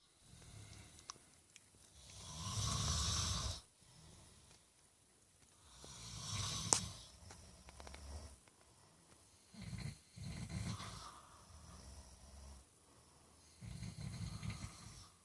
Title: Spotlight snore